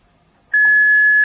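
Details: A single steady, high electronic beep from a Philips HeartStart HS1 defibrillator after pads are applied to a bare chest in a demonstration, as it begins heart-rhythm analysis; nobody should touch the patient.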